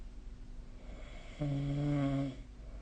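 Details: Snoring during sleep: a single short, tonal snore about a second long over steady room hum.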